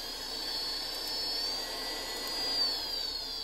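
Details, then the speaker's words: Steady high-pitched motor whine with slight pitch drift from a low-cost CPAP blower converted into an open-source ventilator-like device, running continuous low-pressure CPAP mode with five speed levels; CPAP blower motor whine. "it starts off in a low pressure level CPAP mode so it's blowing continuously right now with the air pressure and this will push air into your lungs"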